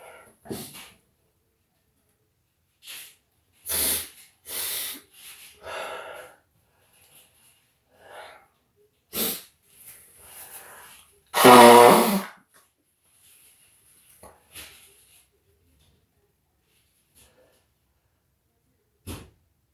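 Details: Self-induced sneeze using black pepper in a bathroom, after deliberate coughing first: sniffs and short bursts of breath build to one loud voiced sneeze.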